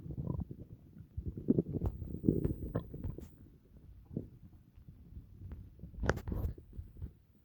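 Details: Low gurgling and rumbling with bubbly pops, coming in waves; ordinary stomach growling (bowel sounds) after dinner.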